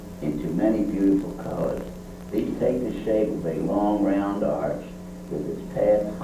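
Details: Geriatric man with presbylaryngis, three months after medialization laryngoplasty; vocal cords now close and voice improved: improved voice after medialization laryngoplasty for presbylaryngis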